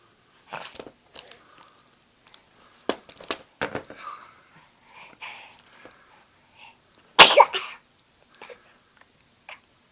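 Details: Six-month-old baby sneezing: quiet breathy bursts build to one loud explosive sneeze near the end, in a quiet room.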